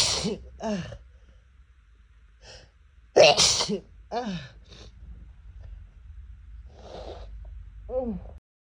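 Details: Adult with a cat allergy: about six sharp sneezes with short inhaled catches between them; repeated allergic sneezing.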